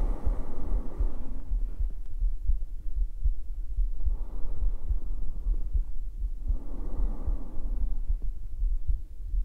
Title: ASMR | Nekonian Scientist Falls Asleep with You~ [Sleeping Sounds] [Heartbeat]